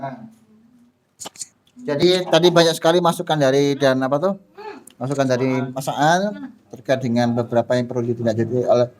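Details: Adult man speaking Indonesian; Ordinary speech.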